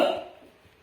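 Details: Nursing student demonstrating an effective-cough exercise on an adult male patient: a single forceful cough burst that fades quickly.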